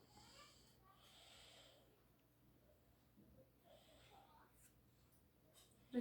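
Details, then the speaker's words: Stethoscope lung auscultation of the back during deep breaths, with the shoulder blades opened: soft, quiet, clear breath sounds without obstruction; normal, healthy lungs. "está en sus pulmones se encuentran sanos debido a que no se escucha ninguna obstrucción en el tracto de la respiración así"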